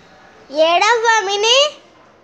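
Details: Young child crying: one loud, tuneful wailing cry lasting just over a second.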